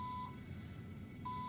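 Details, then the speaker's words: IV infusion pump alarm in a hospital room after an emergency c-section, the nurse not yet arrived: repeated short high beeps about once a second over quiet room noise. "my thing is why can't they freaking hear this out there why is there not something bleeding at the nurse desk saying that something's wrong what is the most annoying sound in the world"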